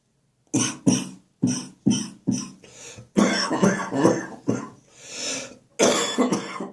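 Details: Morning cough during a spring cold, becoming more chesty and wheezy: a chesty cough with wheeze.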